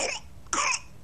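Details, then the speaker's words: Infant with whooping cough (pertussis) gives two short, harsh cough bursts; the disease can be deadly for infants. "for a lot of adults whooping cough or pertussis may seem just like a cold but in some cases it can be deadly especially for infants the sound of whooping cough"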